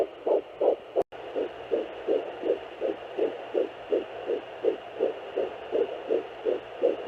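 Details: Fetal heartbeat on a home fetal Doppler at 8–10 weeks of pregnancy: rapid, regular whooshing pulses about 165 a minute over a faint hum, with a brief dropout near the start.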